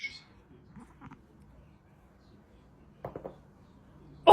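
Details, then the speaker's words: Back cracking (spinal joint cavitation) of a brother, done at home with his hands raised: a quick run of soft pops from the back, then a loud reaction. "Um yeah, I'm going to crack back. Okay, go ahead. Put your hands up. I just want you guys to hear how loud this [ __ ] is."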